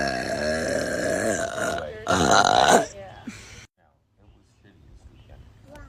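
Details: Girl burping; two long, loud, voiced belches, the second rougher, then a quiet pause; ordinary burping.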